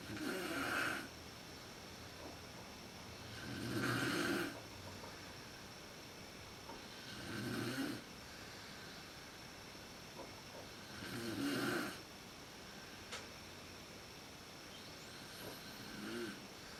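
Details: Mother snoring in the dark, worst at sleep onset, recorded on a PowerShot SX130 IS camera: loud rattling inspiratory snores about 17 a minute against quiet room noise.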